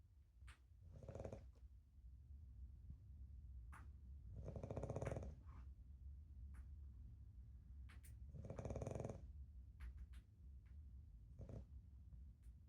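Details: Young female dog, not yet old enough for planned snoring treatment, sleeping and cuddling with Winston: soft, rhythmic low rumbling snores, each about half a second; snoring.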